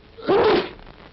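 One sharp, breathy burst lasting about half a second; a single sneeze, acted for an old public health film.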